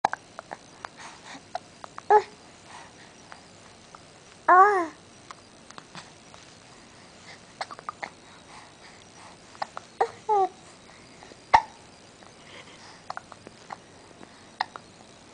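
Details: Infant hiccups: short, sharp vocal catches recur irregularly over quiet room noise, with a few small baby sounds; the baby may be sucking a thumb.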